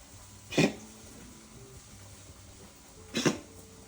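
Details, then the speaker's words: Vet's own cat with allergic asthma, a real cough episode: two short, harsh, dry coughs, the feline asthma cough that resembles hairball coughing. "Cats also have asthma and the type of cough or wheezing sound that they usually make is very very similar"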